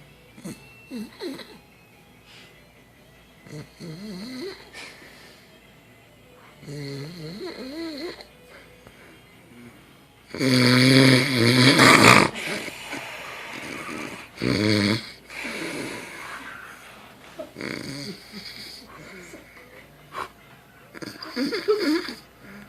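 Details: Loud, rattling snores with wavering pitch from a sleeping man on vacation, with faint snickering nearby; snoring.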